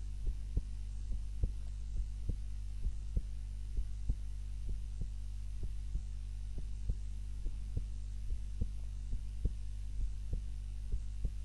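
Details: Heart sounds recorded on a timer during a nap, lying on the back rather than the usual face-down position; steady lub-dub heartbeat at about 70 a minute over a constant low hum, normal resting heart sounds.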